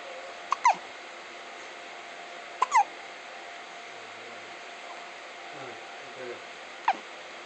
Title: baby hiccups